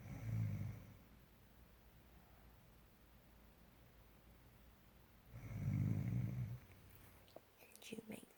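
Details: Spouse whose husband has been imitating their snoring: two deep, rattling snores about five seconds apart, with quiet breathing between and faint room noise at the end; ordinary snoring.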